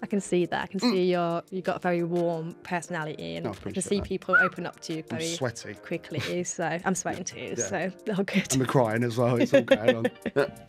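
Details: Adult woman speaking; normal fluent speech.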